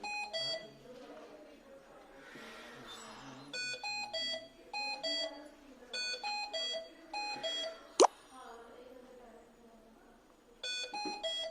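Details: Hamilton T1 portable transport ventilator sounding repeated bursts of high electronic alarm beeps after switch-on, with room noise and a sharp click between bursts; ventilator alarm.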